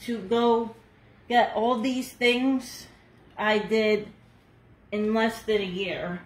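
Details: Adult woman nearly two years after a hemorrhagic stroke, with seven brain surgeries and one more planned; she could not talk at all the previous year, uses speech materials and still has whole-side numbness: aphasia after stroke.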